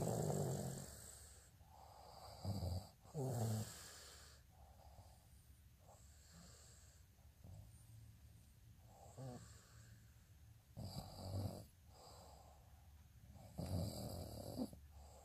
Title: snoring asmr sound 161